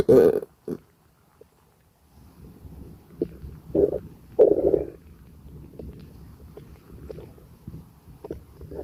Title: Gassy Stomachache noises and burps 💓💓😵‍💫